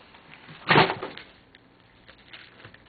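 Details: Infant sneeze: a single short, explosive burst, followed by quiet room noise and faint small sounds.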